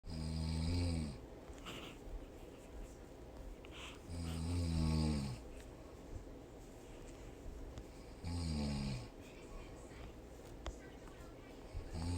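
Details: Adult woman snoring during sleep: deep, rumbling snores on each breath in, about one every four seconds, roughly 15 a minute, with quiet breathing between; ordinary heavy snoring.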